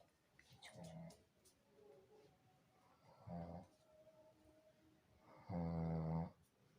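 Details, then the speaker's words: Loud, low, buzzing snores from a sleeping adult man who has a fever, body aches and is unwell; he snores habitually and more while ill. Ordinary snoring. "কিভাবে তো দেখেছো তো কিভাবে নাক ডাকছে শরীর ভালো নেই তো আর এমনিতে ও নাক ডাকে"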